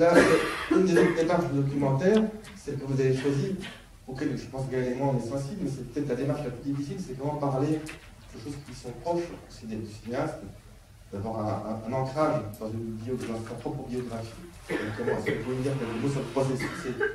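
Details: Adult male speaker; no voice disorder.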